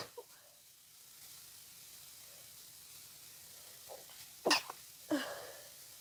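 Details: Person who caught a cold from being outside in winter, in a sneezing fit: two quick, soft sneezes close together against a quiet background hiss.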